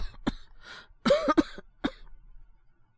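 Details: Acted cough, simulated, by a male voice actor playing a feverish young man with a cold in a voice drama: about four short, dry coughs in quick succession.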